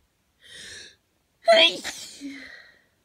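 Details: Morning hay fever sneeze before taking antihistamines, person congested: a hissing inward breath, then one loud explosive sneeze trailing into a voiced sigh.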